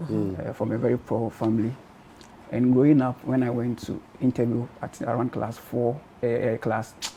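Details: Adult man who stammered from birth; stuttering (stammering).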